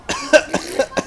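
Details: 9-month-old baby imitating an uncle's cough while eating tapioca pudding: four short, light cough-like bursts in about a second, a mimicked rather than illness cough.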